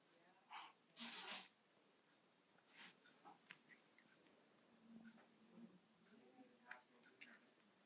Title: Cute Kitty Sneeze